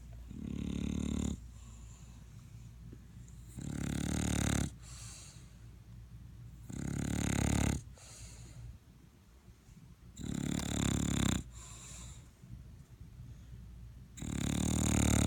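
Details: Dog snoring while asleep, keeping the owner awake: loud, rhythmic rumbling snores on each breath, roughly every three to four seconds, about 16 breaths a minute.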